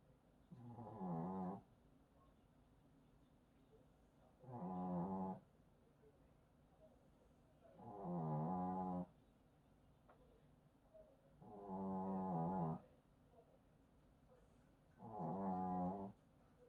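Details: Small Maltese dog (3.2 kg) snoring in sleep after eating sausages, belly bloated: loud, rattling snores on each in-breath, about 16 a minute, quiet breathing out between.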